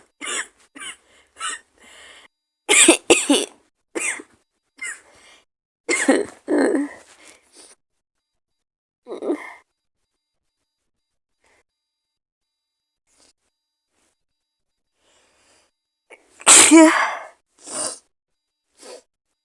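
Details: Acted scenario of a person sick with an awful cold, maybe flu, with fever: bursts of short coughs and throat clearing, then a loud sneeze and further coughs.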